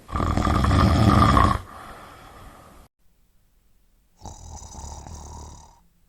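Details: A sound-effect recording of heavy snoring: a loud, rough, rattling snore on the in-breath, a quieter breath out, a pause, then a softer whistling snore.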